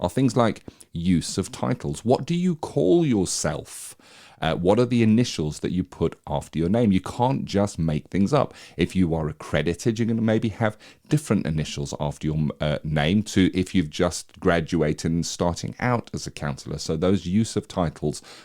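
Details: Adult man speaking; normal speech.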